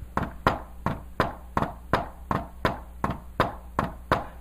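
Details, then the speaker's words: Tapped imitation of a fourth heart sound (S4 gallop), taught with the "Tennessee" mnemonic: a fast rhythm with a faint extra sound just before each S1–S2. "it sounds like Tennessee, Tennessee, Tennessee, Tennessee. S4, S4, S1, S2."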